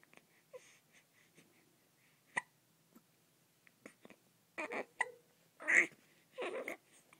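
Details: Five-week-old baby with hiccups, brief soft sudden catches in the breath a few times over several seconds in a quiet room: hiccups.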